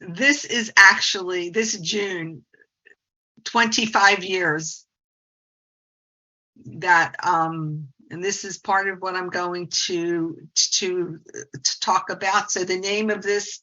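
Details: Stuttering in a 68-year-old woman who is a speech-language pathologist.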